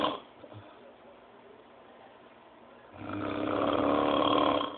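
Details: Sleeping person: a quiet breath, then a loud, rough, rattling snore on the in-breath from about three seconds onward; snoring.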